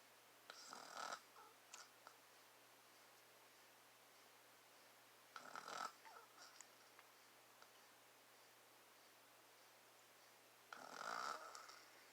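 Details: Adult father snoring, recorded close up to his face: three rough snoring breaths about four to five seconds apart, roughly 14 a minute, with quiet pauses and room hum.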